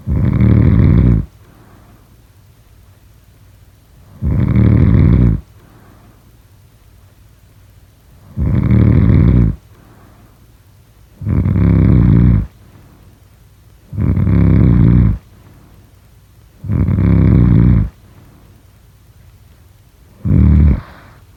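Loud, low, rattling snores, about 18 a minute, with quiet exhalations between them.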